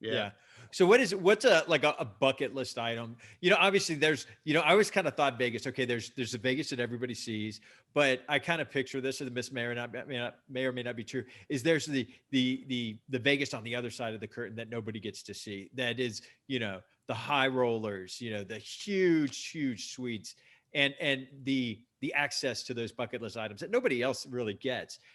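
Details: Adult man speaking; typical speech.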